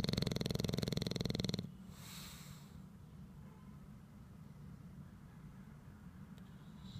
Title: I snore therefore I am Morrissey the bulldog